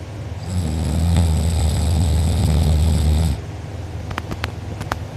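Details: A person recorded asleep with mouth open and drooling, who later had a sore uvula and soft palate: a very loud, rough, rattling snore on a long inward breath, then quieter breathing with faint clicks. Heavy snoring.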